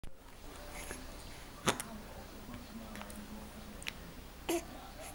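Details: A baby girl hiccups: several short, abrupt hiccups at irregular intervals, with soft baby noises and room hiss.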